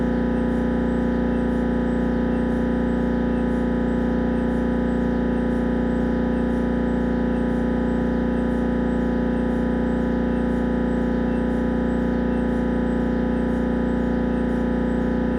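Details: Siemens Magnetom Avanto MRI head scan: loud, steady droning buzz with rapid regular gradient pulsing, about 160 pulses a minute.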